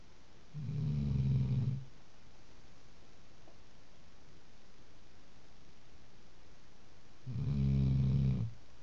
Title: Snoring Bastard